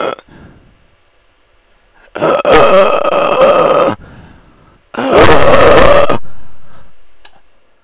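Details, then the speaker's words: Stridor during laryngospasm, the most severe vocal cord dysfunction: two harsh, strained, high-pitched noises on attempted inspiration as the vocal cords close completely. "Laryngeal spasm is the most severe type of vocal cord dysfunction when the vocal cords come together completely preventing a person from taking a breath at all a High-pitched sound results known as Stridor"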